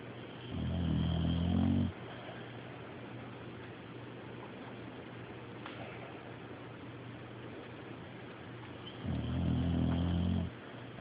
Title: OPHA SNORING